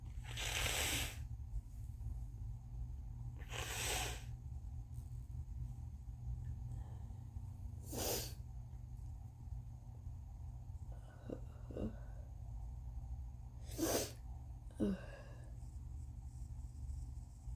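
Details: Adult on day 2 or 3 of a bad cold, very congested. Several loud sneezes with long, breathy, congested sniffing buildups between them, over a steady low room hum: a sneezing fit with nasal congestion.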